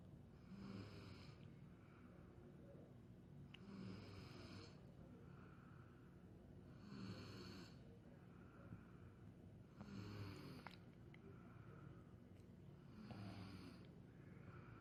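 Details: Someone snoring in sleep, caught by their father: steady rumbling snores on each breath, about 20 a minute, with a faint noisy hiss on the breath out.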